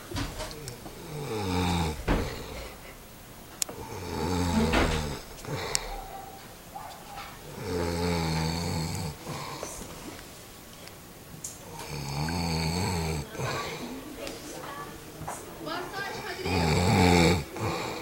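Loud, rattling snores on each breath in, roughly four in eighteen seconds, in a small quiet room.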